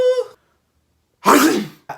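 A short voiced sound, then a rough throat-clearing burst, in a comedy skit.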